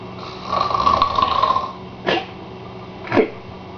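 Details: Father asleep at about 1:00 a.m.: one long rattling snore on the in-breath, then two short snorting breaths; snoring during sleep.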